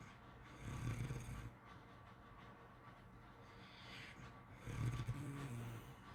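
Two low, rattling snores on breathing in, separated by a quiet pause, with soft room noise between them. Ordinary snoring during sleep.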